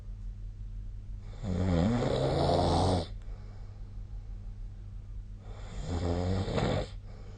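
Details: Snoring during sleep, recorded with the SnoreLab snoring app on 2025/02/12.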